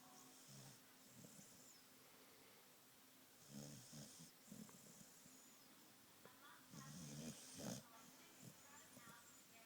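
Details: Snoring from a female Australian cattle dog (red heeler) in deep sleep: irregular low rumbling snores with snorting bursts over faint room noise.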